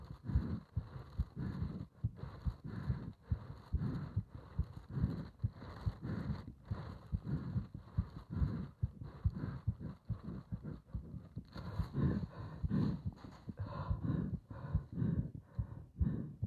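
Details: Steady, muffled heartbeat around 70 beats a minute with some rustling noise, recorded while breathing into a bag; normal heart sounds.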